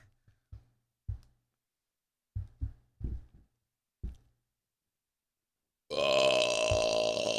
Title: コーラ１・５ japanese burping girl